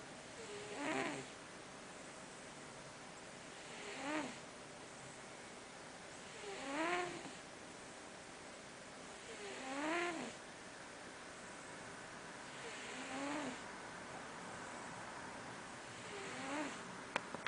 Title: Boy (tomcat) the relaxed Mouser snoring on the Job.